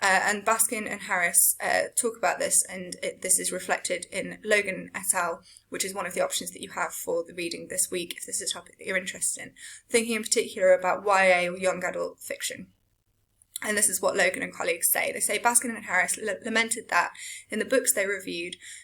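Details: Adult woman lecturing; Typical speech.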